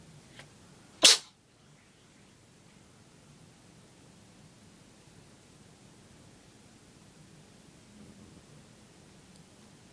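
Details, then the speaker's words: Small pet named Socko with a bout of sneezing; the owner suspects either a cold or an allergy to cats. A single sharp, snappy sneeze, then quiet room noise. "bless you soccer poor baby has a cold do that he's allergic to cats"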